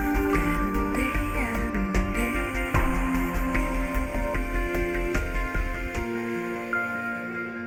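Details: Simulated age-related hearing loss (presbycusis): a sound that young listeners hear but parents are expected not to hear, demonstrating irreversible hearing decline; meant for headphones.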